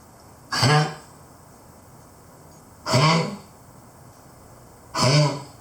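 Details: Three harsh, honking hacks, each about half a second and roughly two seconds apart, from a Keeshond over 12 years old with a worsening cough, honk or hack.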